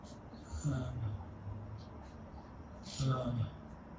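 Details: Severe dysarthria in a man in his 40s with ALS, reading sentences aloud; understood only by his spouse and one assistant, his attempts decoded by a brain-activity speech neuroprosthesis.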